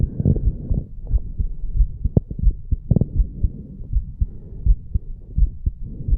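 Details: 34-year-old male after farmers walk exercise, recorded over the mitral valve area: strong thudding heartbeat, roughly 80 to 90 beats per minute, with some rubbing noise; normal heart sounds after exercise.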